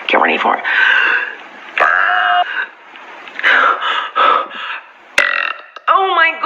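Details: Several long, loud, voiced belches stretched into speech-like sounds as a comic performance; burping.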